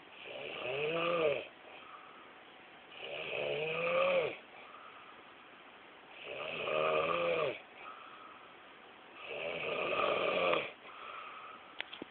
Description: Snoring Captured in a Pakistani Movie Style :P